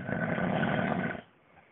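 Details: An adult man filmed by his wife while asleep in bed at bedtime: one loud, harsh, rumbling snore lasting about a second, then quiet; snoring.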